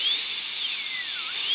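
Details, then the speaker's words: Dental high-speed handpiece with a 1 mm diameter bur placing a guide cut on the triangular/oblique ridge of upper molar tooth #3 for a full zirconia crown prep: steady high-pitched whine, pitch dipping briefly under load. "so we'll start by placing a guide cut on the triangular Ridge it's actually the part of the oblique Ridge on this upper molar will parallel it with that triangular Ridge"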